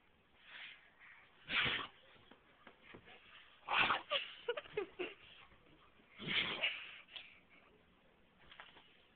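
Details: Doberman dog having a sneeze attack: three strong, sharp nasal bursts in a series with smaller snorts and sniffs between them.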